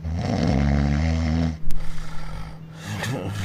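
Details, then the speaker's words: Snoring during sleep, presented in the context of excess weight and obesity. "احنا دايما بنعتبر ان الشخير ده حاجه طبيعيه جدا خاصه لو احنا مرهقين شويه الحقيقه ان الشخير ده اخطر الامراض المرتبطه بزياده الوزن والسمنه"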